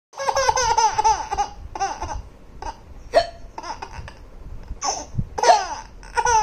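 Bouts of high-pitched laughter broken by a few sharp, abrupt gulping catches that fit hiccups.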